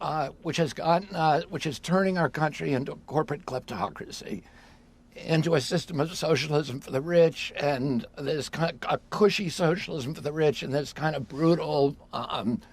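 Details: Adult man with self-reported spasmodic dysphonia, a neurologic voice disorder: spasmodic dysphonia.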